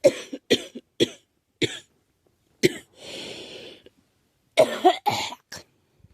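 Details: Girl who says she may be getting a cold, with a scratchy, sore throat: about eight short, dry coughs in clusters with breathy inhales between; repeated cough.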